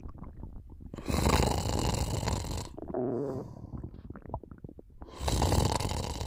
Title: Just a little nap^^ Snoring and stomach sounds